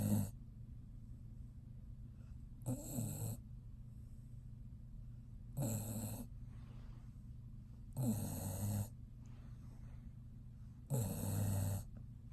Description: Dog snores during rest. (Funny)